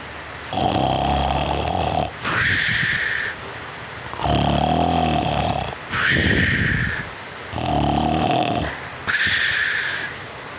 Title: Funny Baby Dog FALLS Asleep While Snoring Loudly! 🤣 #dog